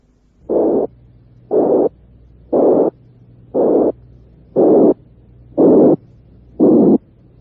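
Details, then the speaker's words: Simulated harsh murmur of the kind associated with aortic and pulmonary stenosis, seven regular bursts about 59 a minute growing progressively harsher with broader frequency bands; harsh heart murmur. "soplo áspero que asociamos con la estenosis aórtica y pulmonar lo que quiero decir acerca de aumentar la aspereza con bandas más amplias obsérvese el aumento de la"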